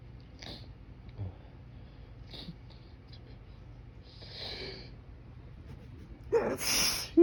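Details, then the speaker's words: Suppressed morning allergy sneeze outdoors in breezy, pollen-filled air, held back with fingers pressed to the nose: soft stifled sniffs and hissing build-ups, then a muffled burst over wind noise. "just got to try to hold it back with my fingers to my nose it's a whole lot of nose to hold back"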